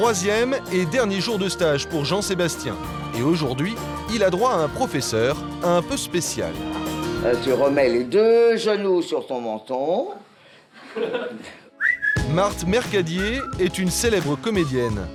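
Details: Adult male narrator; normal speech.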